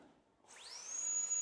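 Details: Forest 7000 series dental unit: high-speed dental handpiece spinning up to a steady shrill whine with water spray being adjusted for tooth preparation.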